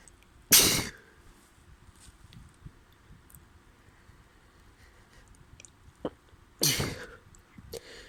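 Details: Person with a spring cold: two sharp, explosive sneezes about six seconds apart, with faint sniffing and rustling between; repeated sneezing during a cold.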